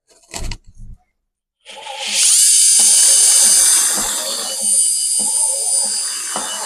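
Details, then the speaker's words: Dental implant drill, final 4.8 mm osteotomy drill preparing a 12 mm site in the mandibular left first molar area of a model, for a Swiss bone-level implant: high steady whine with lower cutting bursts, quiet background music. "So once this जज been verified रेडियोग्राफिकली oil be starting with the subsequent drill so the last drill for this ओस्टियोटोमी is 4.8 diameter"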